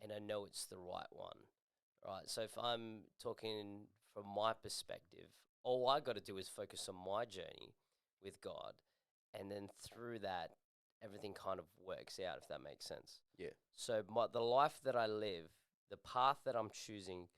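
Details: Adult man speaking; Normal adult speech.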